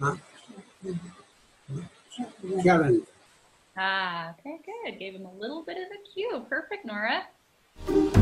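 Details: Adult clinician speaking; none.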